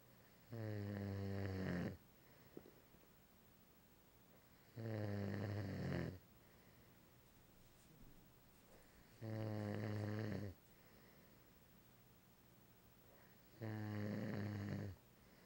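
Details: Four deep, buzzing snores at a regular pace, about fourteen a minute, with quiet breathing between them; snoring.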